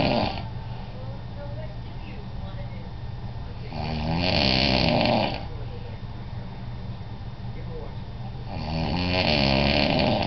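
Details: Adult man (father) snoring while asleep, recorded in Washington D.C.: loud rattling snores about every five seconds, roughly 12 breaths a minute, over steady room hum.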